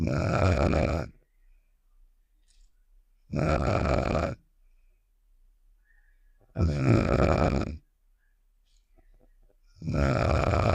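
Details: Game sound effect of the character Star snoring (Save The Shapes), simulated: loud, rough, rattling inhaled snores about every three seconds with quiet gaps between.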